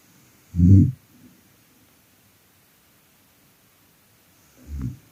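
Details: Adult woman snoring: two deep, rumbling snores about four seconds apart, separated by near silence.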